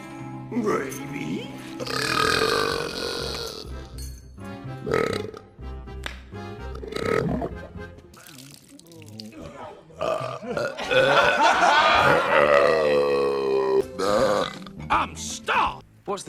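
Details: Burping scenes compiled from movies and TV: several long, drawn-out belches mixed with speech and background music.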